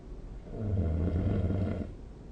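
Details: Snoring recorded with the SnoreLab app while the person sleeps.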